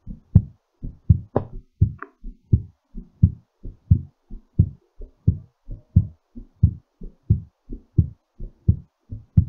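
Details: Fast, regular paired heart sounds at about 88 beats a minute as the heart slows; normal heartbeat during recovery after exercise.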